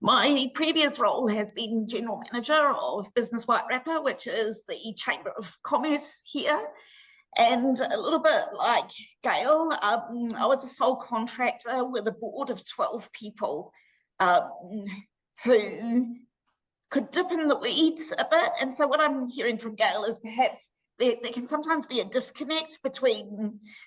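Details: Laryngeal dystonia (spasmodic dysphonia) in an adult woman, treated with Botox injections to the vocal cords every six months.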